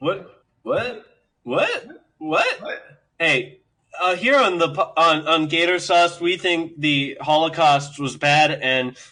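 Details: Adult male speaker; speech in cerebral palsy.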